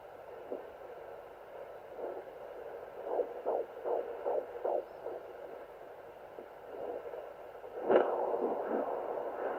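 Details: Fetal heartbeat on a Sonoline home fetal Doppler at 14 weeks 4 days of pregnancy: fast rhythmic whooshing pulses through Doppler hiss, about 150–160 beats a minute.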